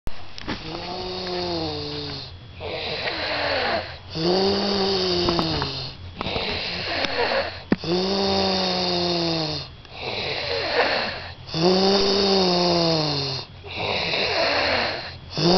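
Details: Loud, buzzing, tonal snores with each breath in, about 16 breaths a minute, in a steady rhythm through the clip: snoring.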